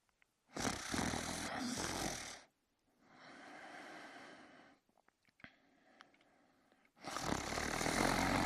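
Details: Man asleep in his bed: loud, rough, rattling snores on breathing in and out, with quiet pauses between them; snoring.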